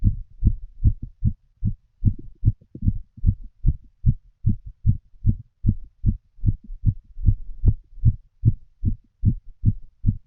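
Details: Full heart auscultation of a female while she smokes a cigarette, through a stethoscope: steady, regular low thumps with a faint soft hum between beats; heart sounds.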